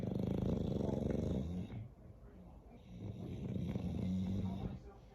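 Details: Loud, rattling, rough snoring from a bulldog, with coarse vibrating breaths in and out.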